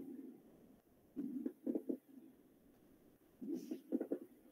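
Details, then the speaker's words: Teaching demonstration of inspiratory coarse crackles, louder and rougher than fine crackles and attributed to denser secretions: low, bubbling popping sounds during inspiration as air breaks fluid films. "Esos son los clásicos crepitantes, ¿no? O sea, en este caso, aquí ya encontramos, no son sonidos más densos como crepitantes, sino aparecen los clásicos crepitantes gruesos, ¿no?"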